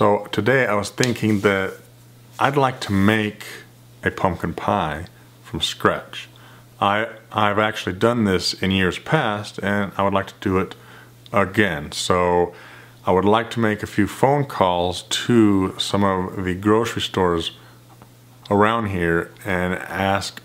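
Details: Man who stutters and describes himself as having a speech problem; stuttering.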